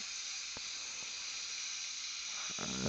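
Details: Steady airy hiss of a dental suction tip, with faint clicks and slurps as it draws fluid from the mouth, during microscope-guided cleaning of external hex implant threads after a broken abutment screw was drilled out; dental suction.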